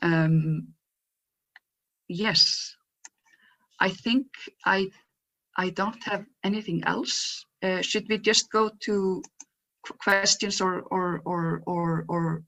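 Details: Adult woman who stutters and describes being photographed in her stuttering block; stuttering.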